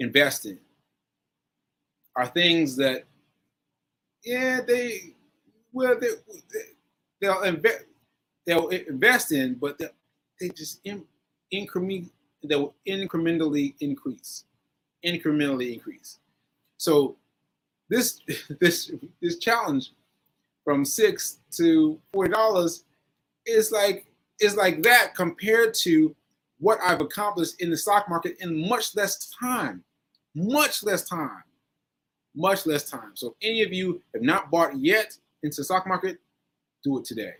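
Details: Aphasia in a man recovering from a stroke on 7/14/22, recorded 7/4/23; he says his aphasia makes things harder for him.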